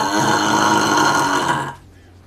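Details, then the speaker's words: In a burping compilation from a gaming stream, a streamer announces a burp, then gives one long, loud, throaty belch lasting nearly two seconds. "okay i got a burp all right okay all yours am i alive am i talking hey that one was wet ah"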